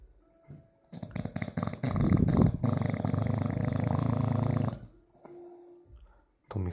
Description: This is my bulldog Strike that I caught him snoring in a very funny way with strange sounds that reminded me of a motorbike with a broken exhaust.